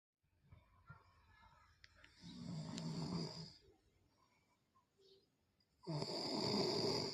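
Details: Snoring during sleep: rough, rattling breath sounds in two long bursts with quiet pauses between.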